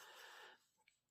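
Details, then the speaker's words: Adult recovering from a breathing illness, after a lung scope with samples taken: a single soft, breathy cough burst that quickly fades; milder, gentler cough than the earlier hacking one. "The last video was kind of a hack that would just when it started, it was just really hard to stop, and now it's kind of a more gentle cough."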